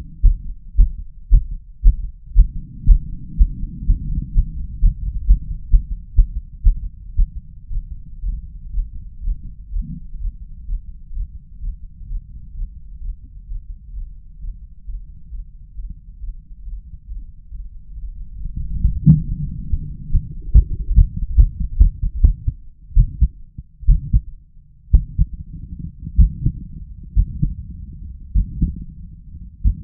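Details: Forceful, low male heartbeats with uneven spacing, skipped beats and noticeable pauses, brought on deliberately by chest vacuum manoeuvres; irregular heart rhythm with pauses heard on auscultation.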